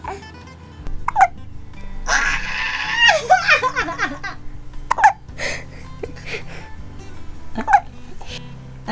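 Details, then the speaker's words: A small baby, held and wiggling while being settled to sleep, gives three short, sharp hiccups a few seconds apart with a brief baby vocal sound between, over background music; infant hiccups. "how come nobody told me baby hiccups were the cutest thing ever"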